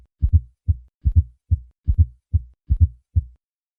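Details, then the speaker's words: Fourth heart sound (S4 gallop) from a hypertrophied, non-compliant left ventricle in hypertension: regular rate near 70/min, soft low-pitched thud just before each S1, heard with the bell applied lightly, patient in left lateral position. "in many patients with hypertension the left ventricle becomes hypertrophied and eventually non-compliant this can lead to an audible fourth heart sound"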